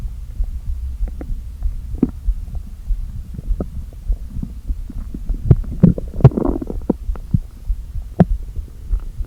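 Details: Stomach noises (borborygmi) after a full day without eating, stomach deliberately inflated with air: low hollow rumbling with clicks and a brief gurgling rush of air pushed back and forth.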